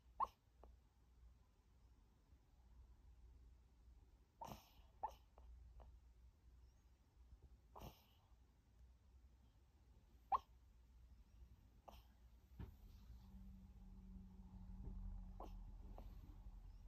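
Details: Sleeping Maltese dog: short soft yips and hiccup-like whimpers, harmless sleep vocalization.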